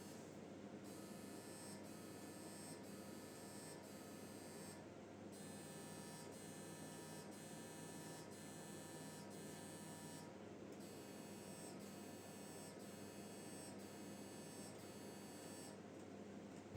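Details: MRI knee scan, localizer sequence repeated because the first images were unclear: steady, rapid electronic buzzing in repeated bursts with brief pauses; MRI scanner noise.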